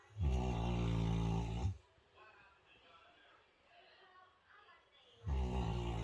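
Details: Long, deep, rumbling snores on the in-breath, separated by quiet pauses of about three seconds, from a deeply asleep sleeper: heavy snoring.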